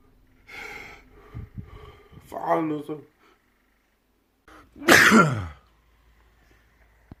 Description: World loudest sneezes: Watch me sneeze